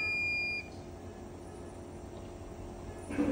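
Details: A steady electronic tone lasting about half a second from a Löwenstein ventilator set to adult mode, sounding during its startup self-test.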